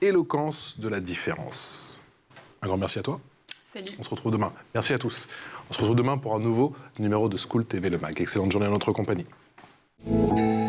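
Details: Adult man speaking French; normal speech.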